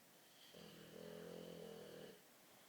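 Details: A sleeping dog snoring: a single drawn-out, buzzing, tonal breath of about 1.5 seconds over quiet room noise.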